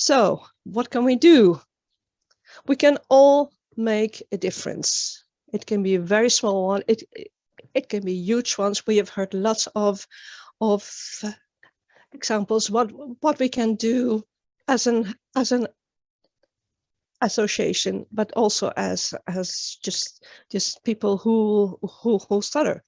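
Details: Real adult woman, an international stuttering advocate from Sweden, with developmental stuttering that began at age nine, speaking in a public talk. The finding is stuttering.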